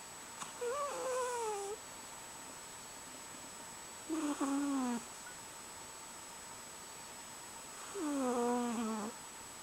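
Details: A sleeping cat snores with three squeaky, whistling tones that fall in pitch, one per breath at about 16 breaths a minute, with whisker twitches.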